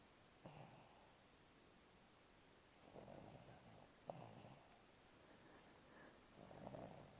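Soft rhythmic snores from a sleeping dog, a few breaths apart, with faint snorts in a quiet room.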